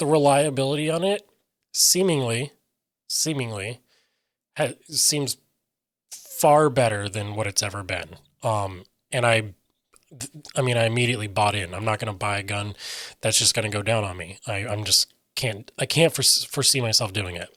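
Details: Aphasia in an adult male who reports difficulty articulating what he means and getting words out, sometimes substituting other words then trying to get back, describing his speech as scattered.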